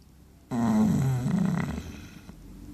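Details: A sleeping Chow Chow dog in a quiet room gives a single low, rumbling snore with a fluttering rasp on the breath.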